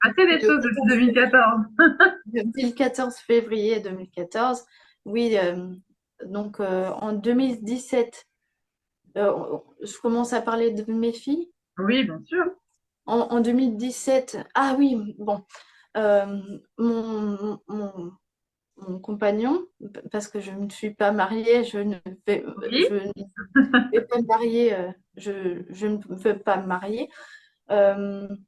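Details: Young woman with aphasia after a stroke at age 22; speech and grammar were severely affected, with persisting word-finding difficulty, self-corrections and repetitions; aphasia after stroke.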